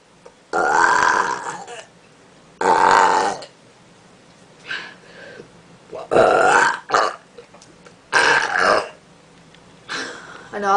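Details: Deliberate, voluntary burping done out of boredom, without having had any soda: five loud, long, croaking belches over about ten seconds, with short gaps between.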